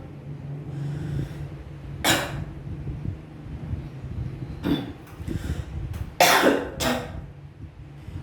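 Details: Several short, sharp coughs and throat clears from an adult during Quran recitation (Surah Al-Baqarah), with a low background hum; ordinary cough bursts.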